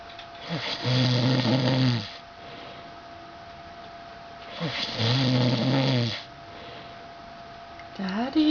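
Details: Snoring from a sleeping father: two loud, rough, buzzing snores on inhalation about four seconds apart, with quiet breathing between and a steady hum in the room.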